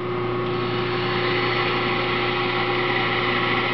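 Steady motor whine with a constant grinding hum from a dental model trimmer's wheel running with water on.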